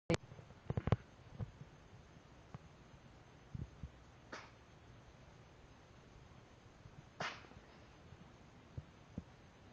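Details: Cat sneeze, deliberately provoked by owner.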